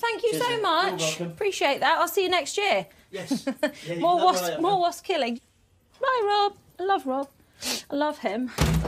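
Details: Adult woman with Tourette syndrome producing involuntary vocal tics, including repeated swearing, after trying to hold the tics in; Tourette syndrome vocal tics.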